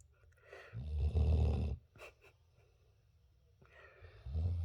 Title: Puppy Snoring like a Grown Man 😄 #boerboelpuppy #AmariTheBoerboel #Puppy #Mastiff #Snoring